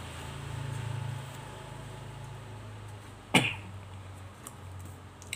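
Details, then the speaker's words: Adult man who says he has not yet recovered from an illness, coughing while speaking: a cough. "ผมก็อาจจะมีเสียงไอรบกวนนะครับพี่ๆผมยังไม่หายดีเลยนะครับต้องขอโทษด้วยนะครับ"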